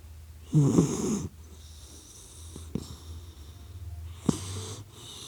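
A loud rough snore on the in-breath, then softer snorting breaths, with faint music behind; a sleeping puppy's snoring.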